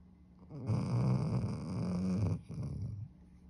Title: Puppy sleeping 💤 Vizsla Gina funny snores 😂#vizsla #puppy #dog #sleep